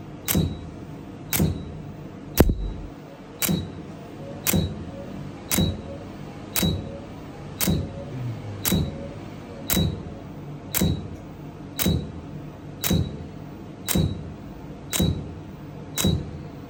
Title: Laser hair Removal Treatment